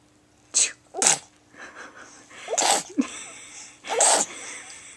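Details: Girl sneezing for her mother: a run of four sharp, explosive sneezes, each with a quick breath before it, over about five seconds.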